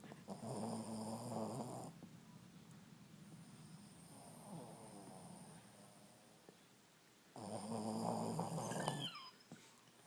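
Soft, rattling, buzzing breaths with quiet stretches between them, a dog snoring steadily in its sleep.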